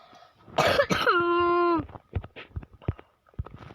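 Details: Sick child coughing repeatedly from illness: two harsh cough bursts, then a drawn-out voiced throat sound and a few soft clicks and breaths.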